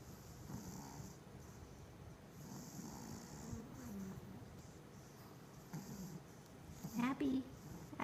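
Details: Pet dogs snoring: soft, uneven snuffling snores from a sleeping dog over faint room noise, with a brief louder snort near the end.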